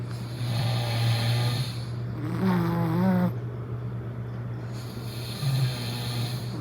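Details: Low droning snore on breathing in, with a rising whistly tone partway through, over steady room hum; ordinary snoring, from a dog-versus-human snore comparison, snorer unspecified.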